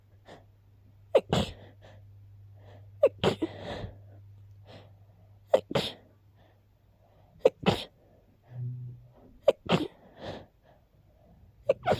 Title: A little random sneezing fit